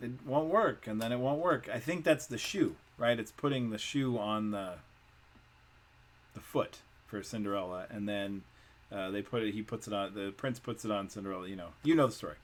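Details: Adult male speaker; normal speech.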